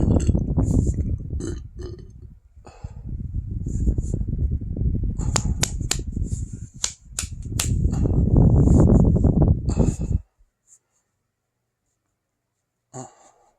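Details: Several long, deep, low-pitched burps in close succession, then silence, after eating a whole box of pasta with marinara and ricotta, about 15 meatballs, then cake and ice cream; belching.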